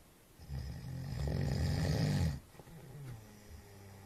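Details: Person snoring: one long, low, rattling snore on breathing in, followed by a quieter breath out.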